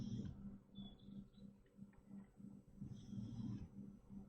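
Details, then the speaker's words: A very old dog that sleeps most of the day snores in the background of a screen recording: snoring. "Sorry if you can hear my dog snore. It's incredibly unprofessional. My dog is snoring in the background."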